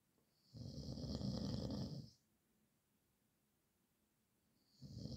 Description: horlama sesi gecelerimin kabusu horultu sesi